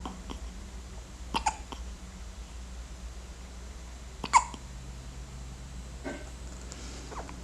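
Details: Baby with hiccups: faint, brief hiccup sounds over steady background hum, two clear hiccups a few seconds apart.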